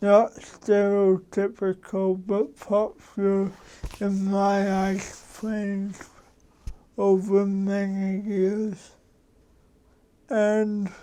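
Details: Adult man with cerebral palsy for 53 years, which he says came from damage to the brain and spinal cord; he says his speech differs from most people's and he adjusts it so others understand; dysarthria (cerebral palsy).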